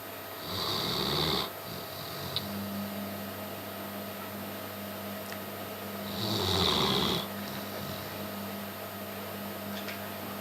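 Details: German shepherd dog sleeping in a strange position in the living room, snoring: two loud, rattling snores about five seconds apart over a steady room hum.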